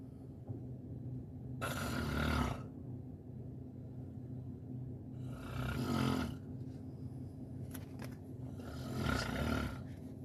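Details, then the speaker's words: Comic imitation of snoring: three loud, rough, rattling breaths about four seconds apart over steady low noise. "time I was in the jungle and it was so dark I didn't know where it was, and I heard a noise. It was a very scary noise, and this is what I heard."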